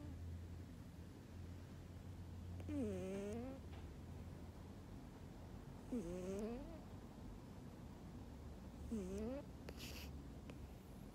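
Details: A sleeping Burmese cat gives three soft, whistling, squeaky in-breath noises, about 20 a minute, over steady room hum; light snoring.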